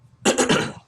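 A single acted adult cough with a few quick bursts, portrayed as a phlegmy wet cough.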